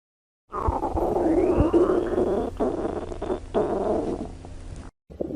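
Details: Loud stomach growling (borborygmi): a long gurgling rumble lasting several seconds with a rising whine partway through.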